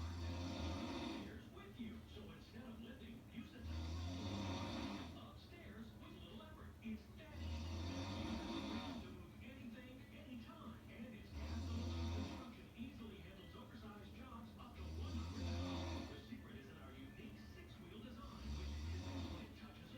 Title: Snoring So Loud and So Sexy